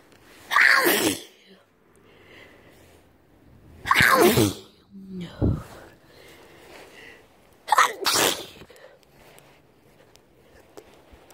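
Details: A sick person sneezes forcefully three times a few seconds apart after sniffing some powder, with sharp in-breaths and sniffles between; repeated sneezing.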